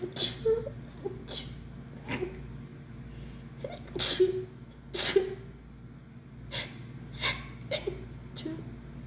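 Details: Sneezing in someone who thinks they caught the flu, with heavy nasal discharge and sneezing fits of up to 15 in a row: about seven sharp, explosive sneezes in quick succession over nine seconds, with gasping breaths between them.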